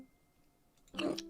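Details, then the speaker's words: Streamer with hiccups lasting minutes during a live horror-game collab stream, trying to hold her breath to stop them; after near silence, one brief, sharp voiced hiccup. "hi did you just wait till I got my hiccups it's just let me let me stop my breath hold on"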